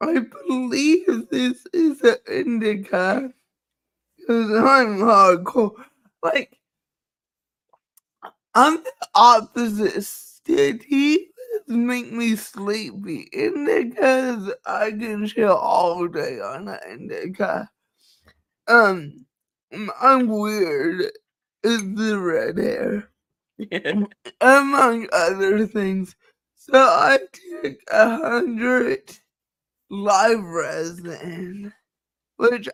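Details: Dysarthria due to cerebral palsy in a female speaker, who states it is why she talks this way and that nothing can be done about it.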